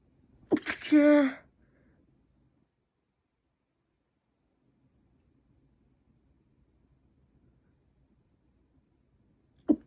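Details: Person with cold or allergy (uncertain) sneezing repeatedly since last night, with an itchy, running nose: one sharp sneeze with a brief voiced burst, near silence, then the start of another sneeze.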